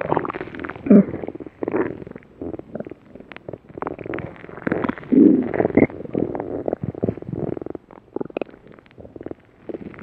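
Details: Loud, continuous bubbling and gurgling rumbles with irregular bursts from Cream Puff Cookie: stomach growling (borborygmi).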